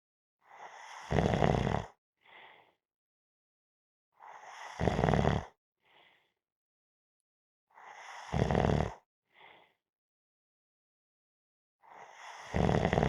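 Loud rattling snores on each in-breath with a soft sigh after, repeating about every 3.7 seconds, roughly 16 breaths a minute: snoring during sleep.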